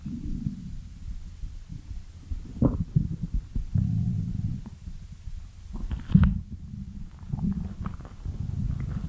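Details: Stomach growling: low, irregular gurgling rumbles that come and go over several seconds.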